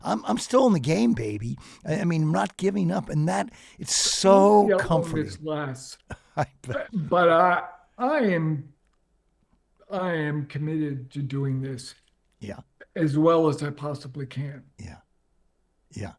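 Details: Adult man with late-stage ALS, diagnosed 4.5 years ago, with onset in the right calf spreading upward; it now reaches his neck, causing difficulty speaking and breathing. He speaks using a ventilator. Dysarthria in amyotrophic lateral sclerosis.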